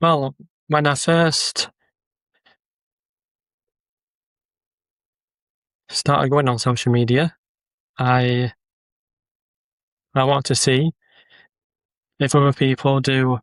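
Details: Adult man with a stammer who uses social media videos to build confidence; word and phrase repetitions and pauses; stuttering (stammering).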